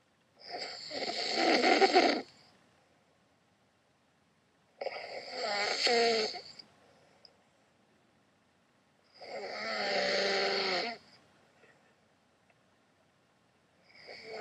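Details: Ordinary heavy snoring in a sleeping adult man (husband): loud rattling snores about every four to five seconds, roughly 14 a minute, with quiet pauses between.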